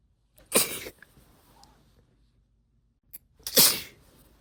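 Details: Induced sneezes from a female who usually stifles sneezes: two sharp, hissing sneezes a few seconds apart in a quiet room.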